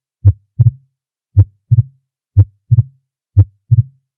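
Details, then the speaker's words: Simulated gallop rhythm said to represent right- or left-sided heart disease: regular beat near 60 per minute with an extra low thud each cycle, played in a cardiac auscultation teaching video. "en una persona con cardiopatía derecha o izquierda debería escucharse algo como esto"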